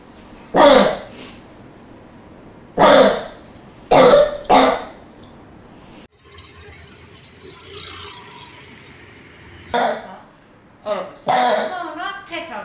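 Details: 13-year-old boy with a cough lasting 52 days that keeps him awake all night, admitted for hospital treatment: repeated harsh cough bursts with short pauses, a chronic persistent cough.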